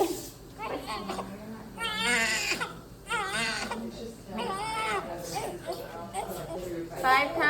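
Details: Newborn baby boy just after birth, delivered by C-section for failing placenta, birth defect noted: repeated strained high-pitched cries rising and falling over quiet room noise and adult voices; normal vigorous newborn cry.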